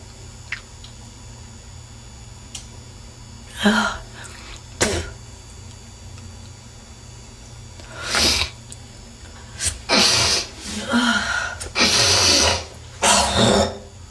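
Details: Bursts of harsh, wet coughing and throat-hawking over steady room hum from a woman (suspected smoker) in a coughing attack; congested, productive cough with hocking of mucus.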